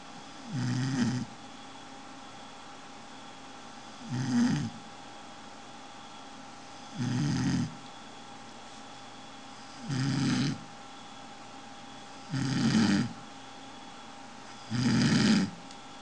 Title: Funny dog snores so incredible:))))i can't belive it!!